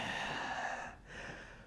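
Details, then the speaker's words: Instructor's simulated wheeze in a breathing and vital-signs lesson: musical, whistling breath with several notes over two breaths, ending in an abrupt loud noise; polyphonic wheeze from the chest. "So I'm trying to do a wheeze, actually. So where's wheeze coming from? The chest. Yeah. There's a wheeze is coming from the chest."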